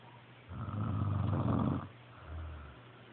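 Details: Snoring: one deep, fluttering snore followed by a softer breath out; ordinary snoring.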